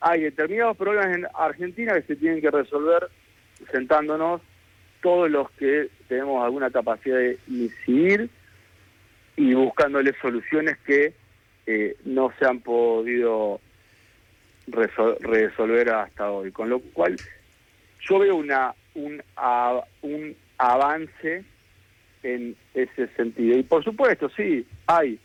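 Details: Adult man with stuttering since childhood, which he says has a genetic load and may have been triggered by trauma, still getting stuck at times, speaking Spanish in a real radio interview with word repetitions; stuttering.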